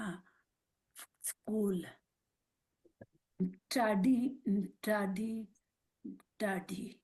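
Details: Aphasia with apraxia of speech in a mother who had a stroke at age 45 and speaks Marathi, Hindi and English; her words sometimes come out mixed across these languages.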